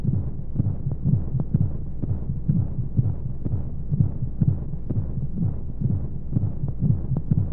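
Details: Baby sleep-aid womb sound with white noise: muffled, rhythmic low heartbeat thumps in pairs, about 125 a minute, over steady whooshing noise, as heard in the womb.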